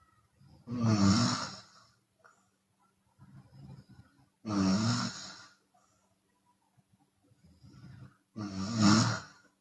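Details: Chinese woman snoring with open mouth, sometimes on the exhale: loud, harsh snores about every four seconds, each followed by a softer breathy outbreath, around 15 a minute; open-mouth snoring.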